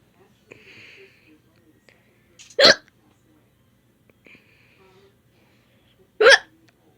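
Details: Hiccups: two sharp, abrupt hiccups about three and a half seconds apart in a quiet room with faint background sounds.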